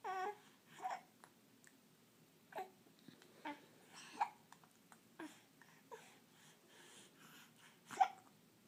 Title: Mean ol hiccups